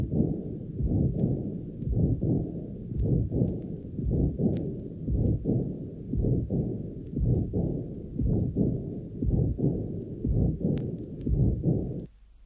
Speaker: here is a recording taken at the left sternal border of a patient with fairly severe Rheumatic aoic incompetence and moderate stenosis the second heart sound cannot be heard but there is a slight pause between the systolic murmur and the long loud diastolic MMA